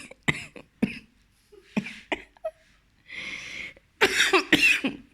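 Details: An adult woman gives a series of short, harsh coughs in irregular bursts with a breathy pause between; she says the cough is not due to Corona.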